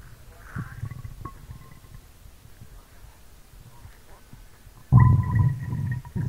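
Low gurgling rumbles with a brief squeak early on, then a loud bubbling growl near the end: ordinary stomach growling (borborygmi).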